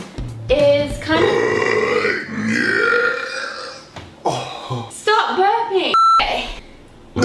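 Several long, loud, voiced belches with changing pitch, with music and a brief beep in the background; repeated burping.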